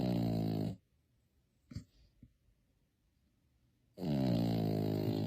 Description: Just for laughs, this is Watson - Snoring Puppy! Isn't he cute, just adorable!